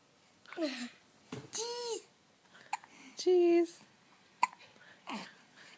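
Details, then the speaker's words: Baby hiccups: brief, sudden gulping catches interrupt an infant's cooing and babble while an adult talks to the baby; hiccups. "hello uh oh you have hiccups now"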